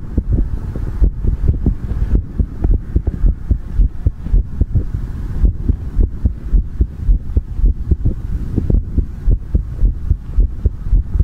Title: ASMR Heartbeat Sound | Heartbeat Sound ASMR | 2022-02-16